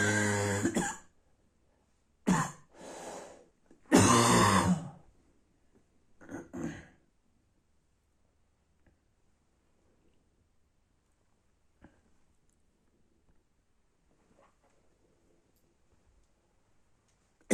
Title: Night barking cough